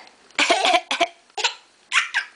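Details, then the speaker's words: Infant cough: five short, harsh coughs in quick bursts with a slightly laugh-like quality; the parent remarks that it sounds bad. "your baby cough oh my goodness it's so bad oh is that such a sad baby cloth oh my goodness oh no"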